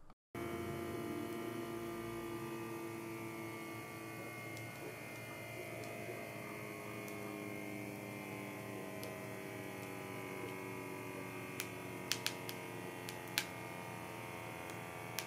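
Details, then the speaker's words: Steady motor hum of an automatic cuff inflating, with faint clicks near the end, as a Checkme BP2W blood pressure monitor with ECG takes a reading; the result was 135/80 mmHg with heart rate 67. "So, I'm going to take a sample blood pressure reading first and we'll hit the start stop button and let you hear and see on the dashboard in the app how this takes a measurement."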